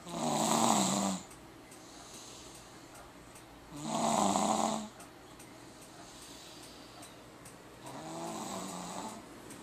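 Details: Man snoring: loud rattling snores on each breath in, with quiet pauses between, about 16 breaths a minute.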